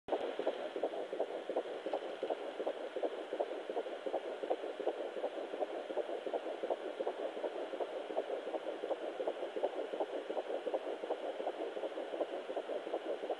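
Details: Fetal heartbeat at 12 weeks' pregnancy on a Sonoline B home fetal Doppler: rapid, regular whooshing pulses at about 160 a minute.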